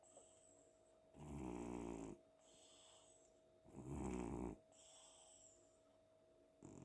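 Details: Cat sleeping on a pillow at home after an active day, snoring like a man: two loud, deep rattling snores about a second long, separated by quieter breaths with a faint hum.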